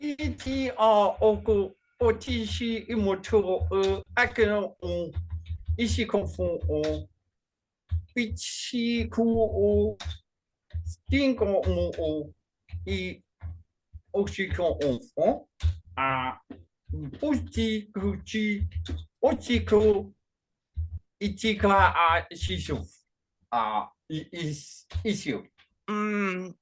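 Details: Adult man with functional neurological disorder; foreign accent syndrome began around 2019 with non-epileptic seizures, accent varies (sounds Chinese today), worse with strong emotion; speaking during a bout of gibberish; foreign accent syndrome with gibberish speech.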